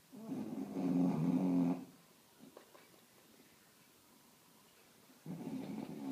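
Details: Sleeping bulldog: two rough, rattling low snores separated by several seconds of quiet breathing; snoring.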